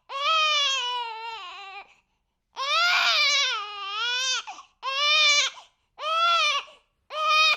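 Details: A six-week-old baby crying: five loud, high-pitched wailing bursts rising and falling in pitch, with brief breath pauses between them.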